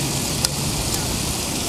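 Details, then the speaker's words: Surgical skin stapler demonstrated on a person's skin without local anesthetic, emergency skin closure: a single sharp click over room and traffic noise as a staple fires; patient felt a pinch. "okay so I'm going to press down and then PR down pull the handle you sure yeah"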